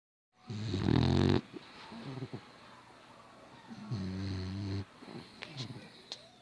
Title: never heard a dog snore so loud before